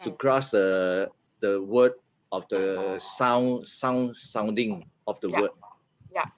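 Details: 50-year-old man after a stroke in June 2018, with aphasia and apraxia of speech initially so severe he could not articulate a sound, now much recovered: aphasia with apraxia of speech.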